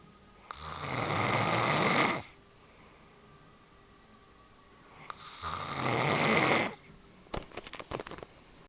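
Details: Adult woman asleep: two long, loud, rattling snores on breathing in, about five seconds apart, then a few soft clicks: snoring.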